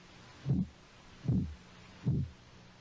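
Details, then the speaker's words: Three regular, low, soft thumps at about 75 a minute: Korotkoff sounds heard by stethoscope at the elbow during cuff deflation; systolic about 110 and diastolic about 62 mmHg in this patient. "see if we can determine when you first hear the heartbeat right about there 110 is the upper number or the systolic pressure for this individual"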